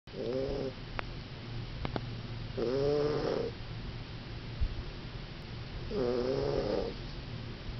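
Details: Cat with extreme overbite, not a show Siamese, snoring all her life: three tonal, whistling snores about every three seconds over a steady low hum during sleep.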